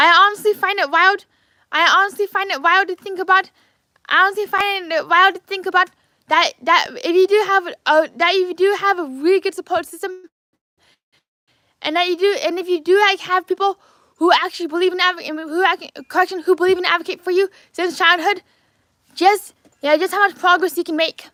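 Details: Adult man with lifelong apraxia of speech, originally diagnosed as childhood apraxia of speech at age four; apraxia of speech.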